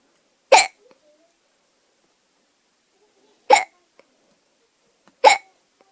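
Three sharp, abrupt hiccup sounds spaced a few seconds apart in a quiet room; ordinary hiccups.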